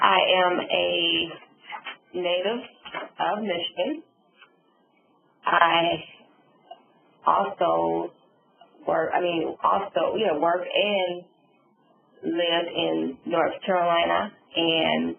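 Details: Adult female stroke survivor with aphasia and apraxia of speech after a subarachnoid hemorrhage and stroke, with word-finding difficulty; aphasia with apraxia of speech.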